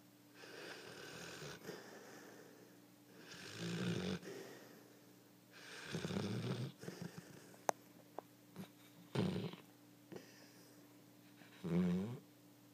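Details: Snoring while lying on another person: loud, rattling snores recur irregularly at about 23 a minute, with a steady low hum in the room.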